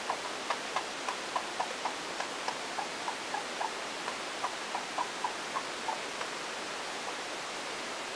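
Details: Hamster makes a rapid run of small, sharp clicks or squeaks resembling hiccups, then falls quiet; owner unsure whether these are hiccups or something else.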